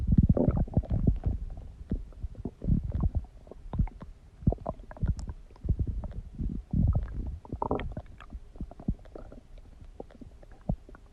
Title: stomach growling noises | My Stomach Makes Noises